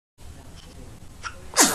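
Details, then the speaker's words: Sleepy infant girl with a full belly: quiet breathing, then a single sharp, explosive sneeze during a spell of frequent sneezing; she sometimes builds up without sneezing. "This is her time to sneeze a lot. Her belly looks so full. Are you getting tired? Poor little thing's getting a little sleepy and sneezy."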